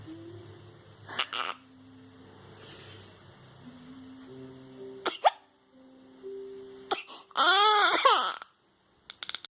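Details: Infant struggling to sleep with hiccups: soft tones play, then a short, strained wail; brief infant crying with music in the background.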